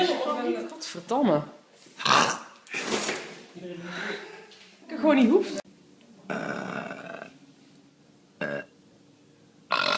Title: The Great Burping Show- Volume 9